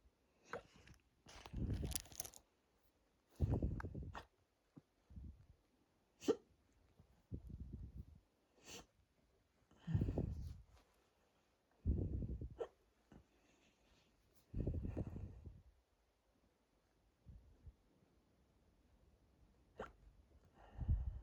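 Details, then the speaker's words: Hiccups induced by drinking lots of water, recorded over a bloated, tight stomach: repeated sharp gulping hiccups, quieter than expected, with soft breaths and gut noises; later hurting chest and throat. "Anyway, focus and be silent for a little bit. Well, as silent as I can be with hiccups."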